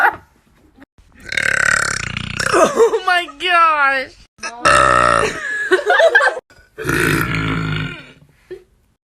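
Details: Compilation of burps: several loud, drawn-out voiced belches in a row with short pauses between; repeated burping.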